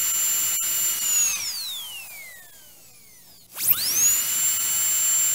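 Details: Sound-library recording of a dental drill: a high-pitched whine dropping in pitch as it slows, then spinning back up to a steady shrill tone.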